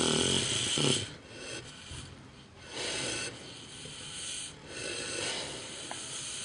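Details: Micro pig snoring outdoors at night, described as very loud: loud, rough snorting breaths repeating irregularly a few seconds apart; heavy snoring in sleep.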